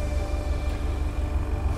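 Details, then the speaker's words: Steady low motor hum and rumble with faint faster pulsing from a Grundig BE04A oxygen concentrator at full power, 90% oxygen at 1 litre, recorded about 5 feet away with an on-camera shotgun mic. "At the moment, the device is turned off, so let's turn it on and see how loud it is. Oxygen on. There we go. It's working away now, and it's at full power, which is giving out 90% oxygen and 1 litre."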